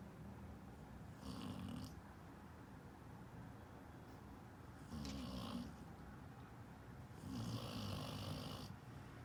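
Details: Dog snoring while dreaming: three slow, low, rumbling snores about every three seconds with a raspy edge, over steady room hiss.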